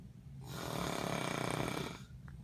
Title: Ig snoring